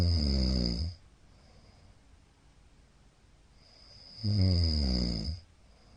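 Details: Middle-aged man snoring during sleep, recorded 15 Feb 2022: loud, low, rattling snores on each breath in, about every four seconds, with quiet pauses; heavy snoring, sleep apnea suspected by the recorder.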